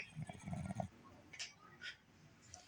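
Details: Female Boston terrier snoring with eyes wide open: soft rattling snore, low fluttering on the breath, quieter sniffs after.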